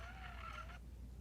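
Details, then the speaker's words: Kangaroo Joey enteral feeding pump running: soft, steady high whine under a second, then stopping, over a low room hum. "the right side has is a little drip thing going down and drop drop that's signifying that it's running I call so if I'm quiet for a minute you can probably hear it running"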